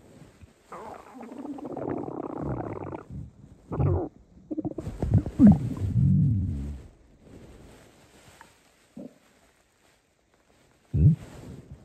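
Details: Hungry stomach: low, bubbling rumbles and gurgles in several bursts with quiet gaps, normal hunger-related stomach growling (borborygmi).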